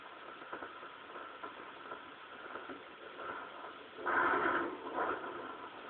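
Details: First fetal heartbeat heard on Doppler: fast, faint whooshing pulses, then a louder rustling burst as the baby moved.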